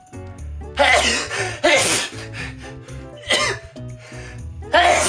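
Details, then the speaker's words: Person deliberately provoking sneezes by inhaling black pepper and tickling the nose with rolled toilet tissue: several loud, explosive sneeze-like bursts over background music. "so hopefully one of these things will start the sneezing process"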